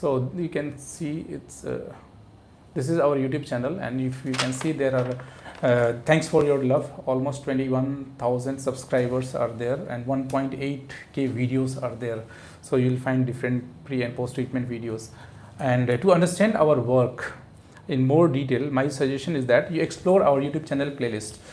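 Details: Adult man speaking; normal adult male voice.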